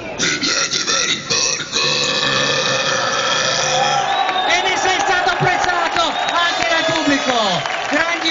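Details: Man deliberately burp-talking before a jury: long, drawn-out belches shaped into Italian speech, with crowd noise and music behind; burping.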